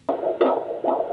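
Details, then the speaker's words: Rapid rhythmic whooshing pulses on a fetal Doppler at about 140 beats per minute, judged a great, normal fetal heart rate in a pregnant woman. "our heartbeat's about 140 beats per minute. That's great."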